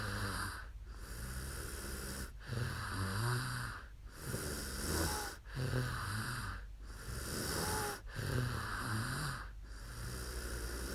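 Rough, rattling snores on each breath with brief pauses between, about 22 breaths a minute, in a sleeping adult.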